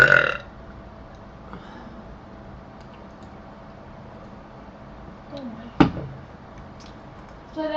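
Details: Burping after drinking a cream soda: a single loud burp at the start, then a quiet room with a faint click and brief noise.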